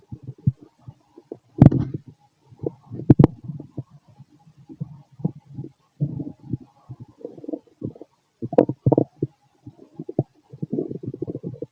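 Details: Fit adult male, stomach and bowel sounds after a bowel movement: frequent low gurgles, bubbling rumbles and a few sharp clicks; normal active borborygmi.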